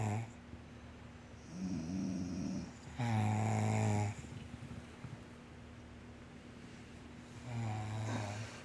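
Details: Low, buzzing snores on each breath in, with quiet breaths out between; ordinary snoring.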